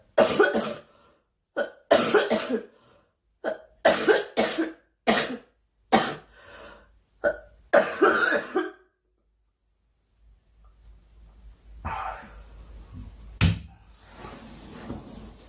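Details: A girl, who says she is sick and wants the coughing to stop, gives repeated bursts of coughing, about a dozen in eight seconds, then quieter room noise with faint music; cough.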